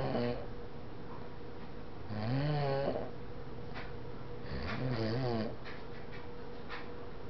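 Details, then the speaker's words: Sleeping on a couch: two loud rattling snores on the in-breath with quiet pauses between, a deep vibrating sleep sound from a resting dog. Snoring. "She's sleeping on my couch and snoring. Let's go take a look."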